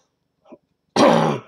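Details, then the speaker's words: One harsh, rough throat-clearing cough from an adult man with a seasonal cough he attributes to his autoimmune disease, just seen by a doctor and tested. "As you can hear, I also have a cough, and I was just at the doctor today. I usually have a seasonal cough like this because of my autoimmune disease, and now I've been tested for the disease, so we'll see how that goes."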